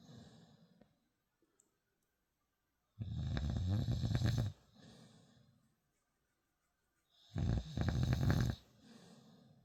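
Two loud, low rattling snores about four seconds apart, each followed by a quieter breath out, over near silence: ordinary snoring during sleep.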